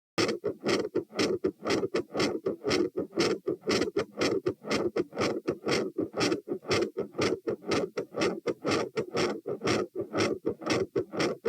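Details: Heart sounds recorded at position T with the patient standing: tachycardia, rapid regular rhythm at 120 bpm, with a loud S2 and a murmur.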